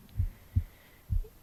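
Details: The narrator's own heartbeat recorded on the left side of the chest while reading aloud: three low, soft thumps in just over a second; normal heart sounds.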